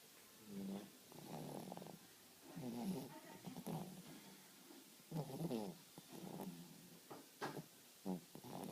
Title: Cooper Snoring.